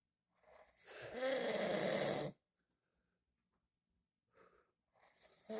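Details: An adult man, the father, snoring in sleep: one long, rough, rattling snore on the in-breath, then quiet breathing and the start of another; snoring.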